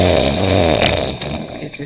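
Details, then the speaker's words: Adult boyfriend snoring in his sleep while his partner complains: a single loud, rough, rattling breath in a small room, fading at the end; snoring. "You know you're snoring your sleep, right? You gonna have to go sleep on the couch today or something? 'Cause I'm tired of you snoring."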